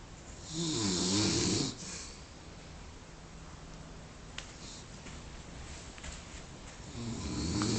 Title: epic snoring